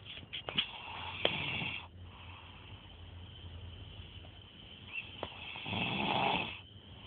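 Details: Two rough, rattling snores within seven seconds, separated by quiet breathing; ordinary snoring.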